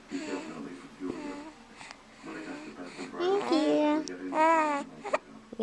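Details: Infant cry: whiny, fussing cries with short pauses between them; ordinary infant fussing.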